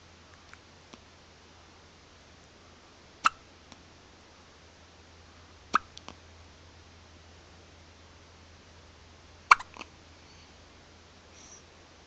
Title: hiccup baby